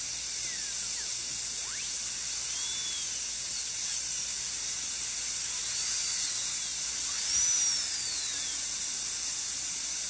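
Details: Steady high-pitched whine and hiss with faint gliding squeals: a high-speed dental drill during a Class II interproximal cavity preparation under rubber dam, forming the proximal box and occlusal dovetail.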